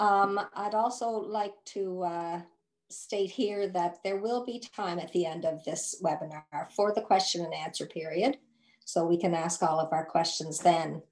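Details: Adult woman speaking; ordinary speech.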